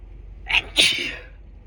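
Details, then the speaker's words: Adult with a cold caught from their partner, mainly nasal symptoms, earlier sore throat, inducing sneezes: a sharp inhaled catch, then one forceful, hissing expulsive burst; a single sneeze. "I'm going to sneeze again. I kind of need this cold to be"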